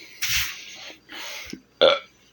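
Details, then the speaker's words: Burping right after quickly drinking a glass of 7 Up for a burping challenge, with a complaint of an upset stomach: belching at 2:20 am. "wow it does get you to burp a little actually oh my stomach get screwed now"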